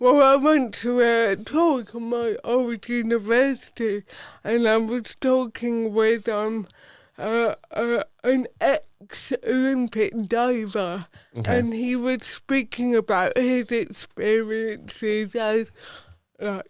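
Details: Adult woman, Paralympic dressage rider, with cerebral palsy from birth that affects her speech; real, not acted; dysarthria due to cerebral palsy.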